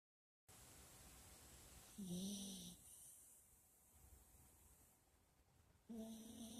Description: Sawing Logs